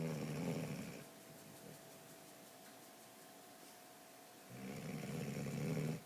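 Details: A sleeping dog gives a loud, rattling snore, then a quiet stretch, then a second snore; snoring.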